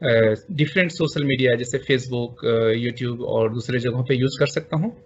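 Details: Adult male speaker; normal voice.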